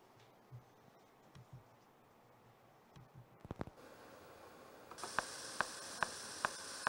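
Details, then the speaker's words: EMG audio of fibrillation potentials, spontaneous firing of denervated muscle fibres: sharp, very regular clock-like clicks over static hiss. The frequency slowly reduces over about a minute, a hallmark of denervation or muscle inflammation. "Like a clock. You don't even see this. Nothing else fires like this except a fibrillation. This is, you just hear that sitting in another room and you know it's a fibrillation firing. Very regular like a clock."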